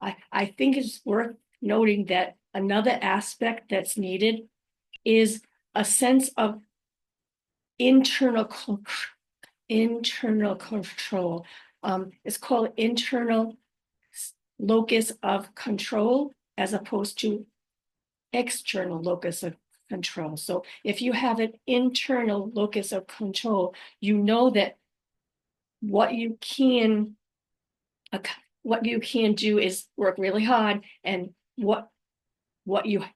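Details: Adult woman with post-stroke aphasia, also apraxia of speech and dysarthria; unedited speech with mistakes, pauses and word trips, recorded on a good day, usually in the morning before fatigue.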